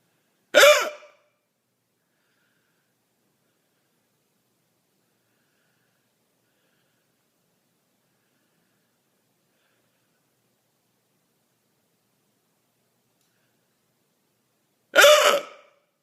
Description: These hiccups have been going on for 5 hours at this time